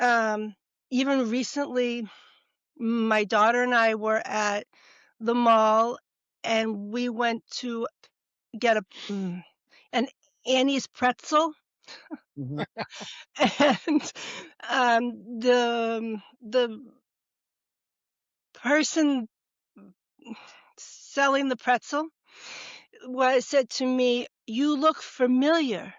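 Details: Woman, former educator of 30 years, stroke and TIA survivor, diagnosed about a month later by a neurologist, real speech: expressive aphasia (Broca's aphasia).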